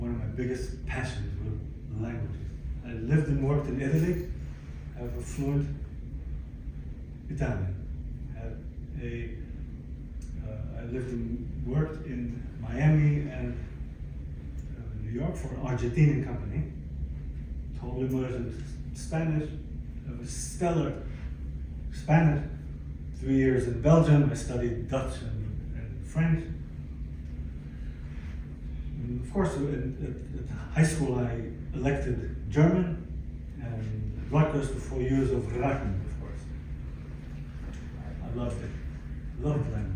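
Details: Adult man, 62, formerly fluent in several languages, with aphasia acquired after a stroke in December 2011 following a cardiac ablation procedure, affecting language, speech and understanding; aphasia.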